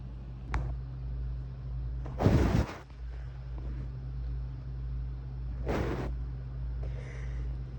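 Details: Random sneezes recorded over a couple of days: two short explosive bursts of air over a steady low vehicle-like hum.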